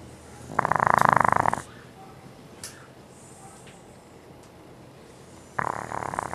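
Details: A sleeping French bulldog: loud, harsh, fluttering snores, one long breath then another about five seconds later, with faint room noise between: snoring.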